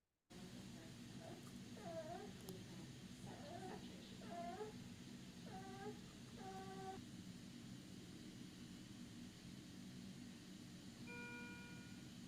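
Short, soft, high-pitched moans recur about every second at the end of each breath, with a brief monitor-like tone and a noise burst: expiratory grunting.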